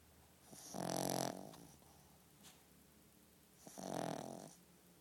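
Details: Molly snoring in her sleep: two long, buzzing snores about three seconds apart over quiet room noise.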